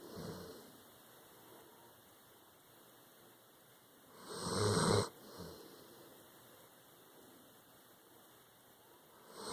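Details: Tired dog snoring after an anxious day during a hurricane: quiet breathing with one louder, harsh snorting snore in the middle and steady background hiss.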